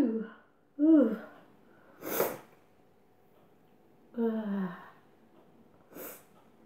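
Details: Voiced inhaling gasps, each followed by a sharp sneeze, two in all; sneezing deliberately induced by sniffing chhinkni snuff powder, which also made the nose run.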